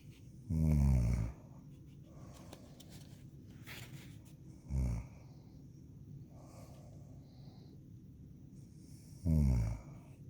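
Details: Woman or girl snoring loudly ("jet plane" snore): three loud, low, rattling inspiratory snores separated by quiet breathing.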